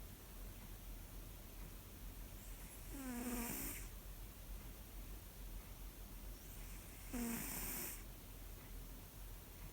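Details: Two loud, fluttery snores about four seconds apart from Garfy, a sleeping pet cat, over faint room noise; cat snoring.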